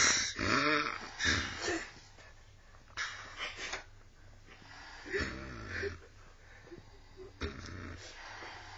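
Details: Snoring found unexpectedly at a beach cabin: loud, rough, gurgling snores recurring every couple of seconds, several in the stretch, over background room noise.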